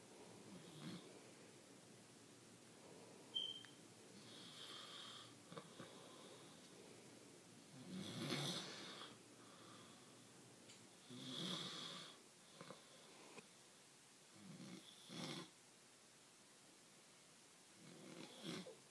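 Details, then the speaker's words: Father snoring while asleep in his bedroom, though he denies snoring: irregular rattling snores with noisy breaths between them in a quiet room, about 19 breaths a minute; snoring during sleep. "Okay, so I think that's it. Yes, it does snore, right? So, Dad, if you're seeing this, you snore, okay?"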